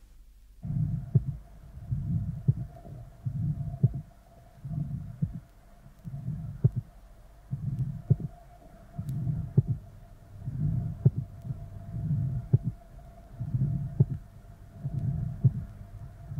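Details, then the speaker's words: Pulmonary stenosis: systolic murmur, loud aortic closure then a softer P2 delayed by 0.06 seconds, recording played at half speed to make the pulmonary component easier to hear. "the pulmonary component can be more easily heard when the recording is slowed to half the normal rate"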